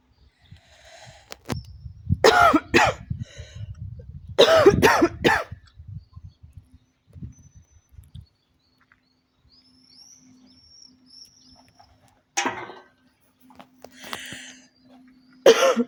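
Repeated bursts of harsh coughing in clusters, with quiet gaps and faint birdsong behind; a smoker's cough.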